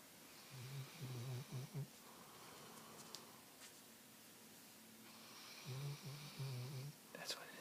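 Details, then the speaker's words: A sleeping female dog snoring on a pillow: low, fluttering, rattly snores in two short groups with quiet breathing between them. "That's what it is. It's a sleeping dog."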